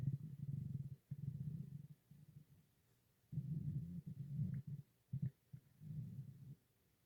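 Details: Quiet low rumbling growls in several bursts with pauses between; ordinary stomach growling (borborygmi).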